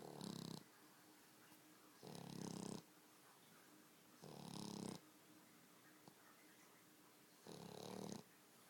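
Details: Female dog sleeping, four regular rasping snores about two seconds apart, near 28 a minute, over steady room hum; loud snoring the owner likens to a human's.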